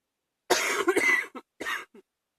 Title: # 88 chest cold evening cough